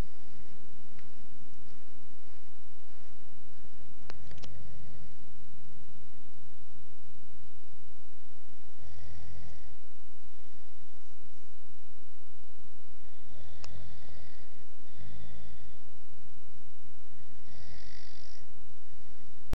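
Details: Low, rough snoring sounds recur every few seconds over steady room noise.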